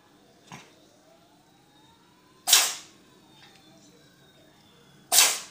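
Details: Cat sneezing: two sharp, hissing sneezes a few seconds apart after a fainter earlier burst, in a quiet room; repeated sneezing.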